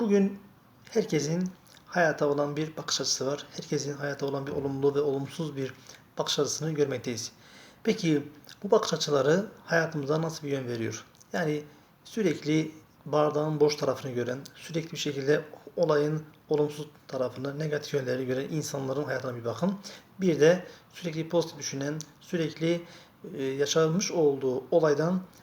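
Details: Stuttering in a male Turkish speaker who describes himself as having a speech problem and a fear of getting stuck when speaking in front of others.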